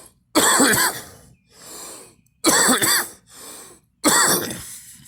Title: me coughing